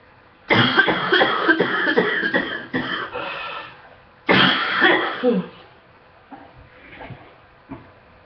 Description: coughing in the morning while sick eww waiting on my meds to kick in